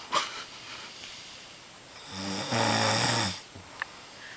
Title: Father/Daughter Snore Fest